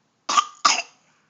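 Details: Young girl during letter-naming practice, told to cover her cough: two quick, light coughs, clear and dry-sounding, without wheeze or distress; cough.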